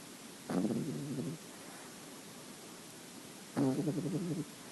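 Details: 9-week-old cream-white French Bulldog puppy asleep, giving two low, fluttering, rattly snores about three seconds apart: snoring.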